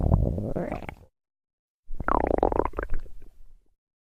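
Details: Stomach growling: two gurgling, rumbling bursts separated by a brief silence; ordinary bowel sounds (borborygmi).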